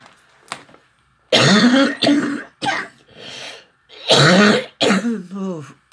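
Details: An adult woman with a seasonal cold gives two bouts of harsh, voiced coughing and throat clearing, each about a second, in a quiet room; cough with throat clearing.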